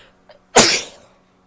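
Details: A woman sneezing after a delayed nasal itch sets in: a brief faint in-breath, then one loud, explosive burst of air, a single sneeze.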